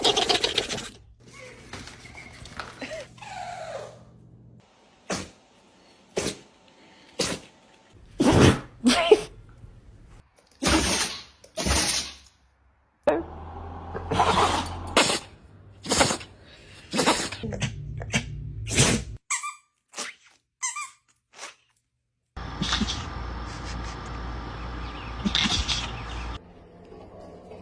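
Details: Dogs sneeze repeatedly, each sneeze a short, sharp, sudden burst of air through the nose.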